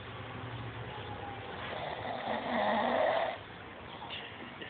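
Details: Snoring: a single drawn-out, rough snore on the in-breath over a steady background hum.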